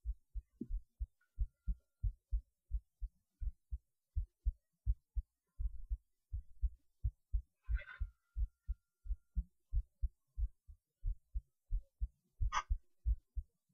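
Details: Heartbeat recorded through a cheap acoustic stethoscope; normal heart sounds.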